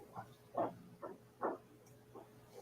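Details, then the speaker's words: Snoring from a sleeping pet, said to rarely snore: soft, quick snorting grunts, a light snuffly snore with faint room hum. "that is jonas talking he's snoring can you hear him now he doesn't often snore"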